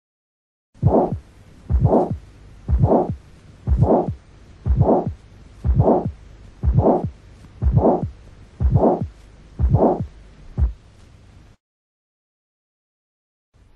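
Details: Aortic stenosis with ejection sound and fourth heart sound.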